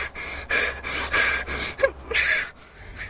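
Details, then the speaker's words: Quick, short, forceful gasping breaths, several per second, with a catch in the throat: rapid breathing in a girl with asthma during an attack set off by spray polish, with chest tightness and tingling lips; she uses her inhaler. "and then I start breathing in and out really fast cuz I feel like I can't catching breath"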